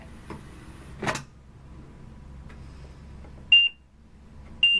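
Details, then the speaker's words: During a staff in-service on a Trilogy ventilator, the device was unplugged and plugged back in while on. It gives two short, sharp electronic beeps about a second apart, alerting to the change in power source. "when you plug it back up it's going to tell you hey you pluged me two batteries in two sources"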